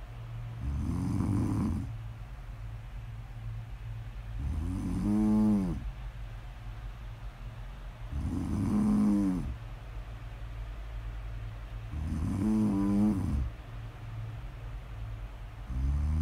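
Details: Snoring audio recording, presented as ASMR: soft, regular snores with a whistling nasal tone over steady room hum, about 15 breaths a minute; snoring.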